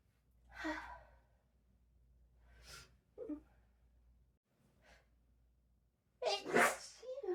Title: Seven sleepy sneezes and a powerful nose blow #sneeze #sneezing #noseblow